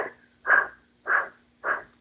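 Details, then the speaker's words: Imitated pleural blowing breath sound: three short breathy puffs exhaled through lips shaped for the vowel "E", a blowing sound found at end of expiration. "Siguiente soplo es el pleural, y cómo obtenemos onomatopéyicamente cuando ponemos los labios para pronunciar la palabra, la vocal E, y expiramos, ¿no?"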